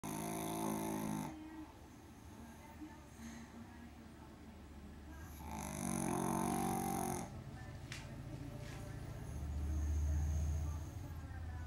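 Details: A pug asleep on a sofa, snoring. Loud, rough snorts on each breath, about five to six breaths a minute, with quieter wheezy breathing between.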